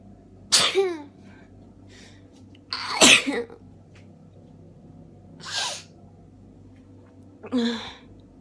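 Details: Four sneezes a few seconds apart over a faint steady room hum, from an adult bundled in bed with a cold caught just before Christmas, feeling tired and weak; sneezing fit during a common cold.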